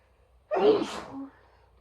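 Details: Sneeze from a female: a single voiced sneeze with a sudden explosive onset and a brief trailing voiced sound.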